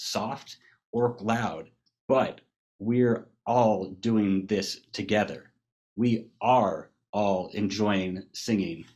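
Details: Global aphasia in a man who had a massive stroke from a burst brain aneurysm at age 21 in 2009; later joined an aphasia treatment program in 2013.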